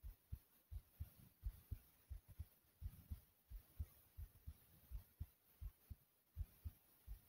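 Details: Strong, fast, steady low heart thumps with soft heavy breathing underneath, recorded after much running in place: quickened heartbeat after exercise.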